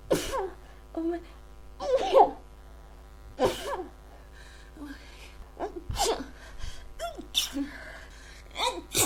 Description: I don't know why I keep sneezing... Is it a cold or my allergies?